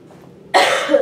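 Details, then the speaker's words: Adult woman with a common cold, talking while showing a crafts haul: single sudden harsh cough after a quiet moment; cold-related cough, one of many through the recording. "sorry guys I don't know if I can edit out all this coughing I'm saying that now and watch me not be able to that's really bad"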